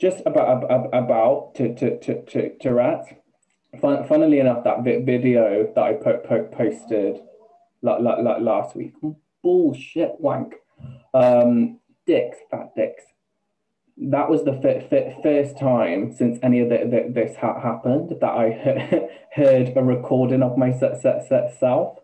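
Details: Man, 28, with Tourette syndrome beginning just over two years ago after health issues and a string of seizures, with coprolalia, repeated words and a stammer, sometimes blocked with no sound, that he never had before: vocal tics with coprolalia and stuttering.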